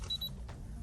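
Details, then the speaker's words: Digital thermometer from a pharmacy, used by an adult before a flight to Australia: two quick high-pitched beeps, a fever alarm signalling a raised temperature. The person had just drunk coffee, and a retest was fine. "things are not going well here constant beeping indicates a temperature what's that mean"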